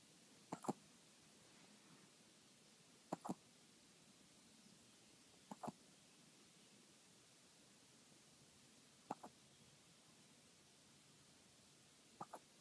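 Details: 5-year-old dog trying to sleep at 6 AM; quiet room with five soft, sharp double hiccup clicks, about 23 a minute, irregularly spaced: hiccups.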